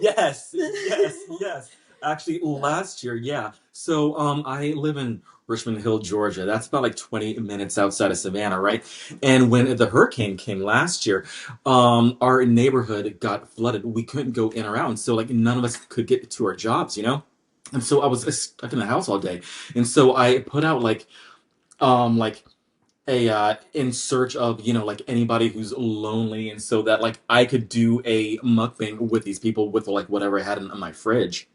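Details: Adult man with a lifelong, anxiety-based stutter, triggered mainly by word-initial B, P, D and hard G sounds, drawn-out M sounds, humidity and background noise; stuttering.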